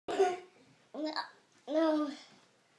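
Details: A young child with hiccups, who was singing, gives three short voiced bursts with sharp onsets, each a sudden gulping catch of the voice. Hiccups.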